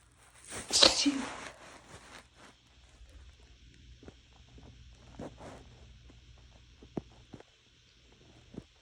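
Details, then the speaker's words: Adult with a cold sneezing on and off all morning: one strong wet sneeze, then quieter half-stifled wet sneezes and sniffles, with bed-sheet rustle from the phone lying on the bed. "I also have a cold, so I'm just easily triggered right now. Nose is also really sensitive. I've been sneezing on and off all morning."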